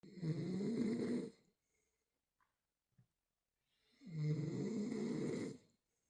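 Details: Dog snoring: two long, rough, rattling snores about four seconds apart with quiet pauses between, in a still room.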